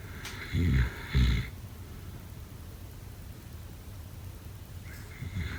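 Two short, low rattling snorts close together, a long quiet pause, then another starting: snoring during sleep in a quiet room.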